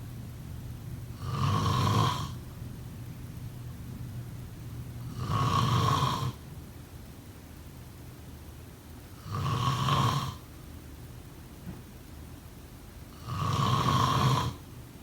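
Four regular rumbling snores on inhalation, about 15 breaths a minute, with quiet pauses between.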